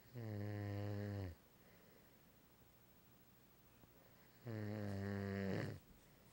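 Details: Man asleep, snoring: two long, low buzzing snores on the in-breath, separated by quiet exhalation.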